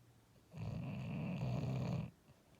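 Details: A single low, rumbling, fluttering snore lasting about one and a half seconds from a sleeping, dreaming English Bulldog; snoring.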